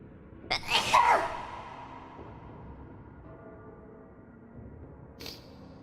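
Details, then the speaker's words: A single sharp, explosive sneeze with a quick inward breath before it, then quiet room noise and a faint sniff, from a person whose nose was stuffy. "that'll be my demon sound if i was a demon it would just be the sound of me forcing air out of my nose at very high speeds"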